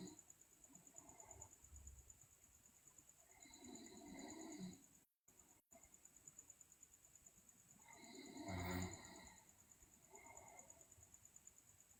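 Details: Sleeping girl: two rough, low, loud snoring breaths in about 12 seconds over steady room noise, in a recording that also describes teeth grinding and delirious sleep; snoring.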